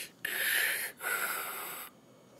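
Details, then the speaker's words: One breath cycle with a clear inspiration and fine expiratory crackles, described as progressing fluid overload with the lower lobes filling with fluid. "the crackles will start progressing over in the exhalation phase as the lower lobes become filled with fluid,"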